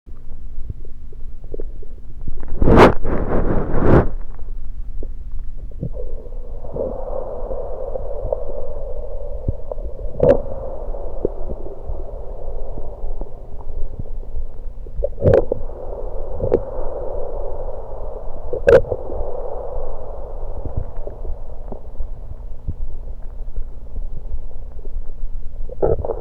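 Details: Stomach gurgling recorded while gulping Diet Pepsi: low gurgling and bubbling bowel sounds with a few sharp clicks and a steady hum.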